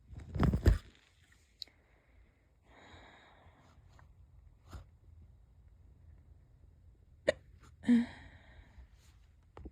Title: hic hiccups😛